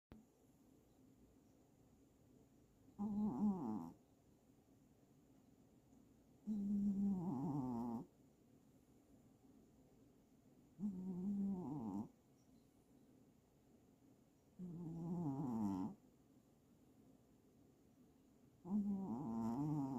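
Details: Cat snoring: regular low, fluttering snores with each breath, about 15 breaths a minute, separated by quiet pauses.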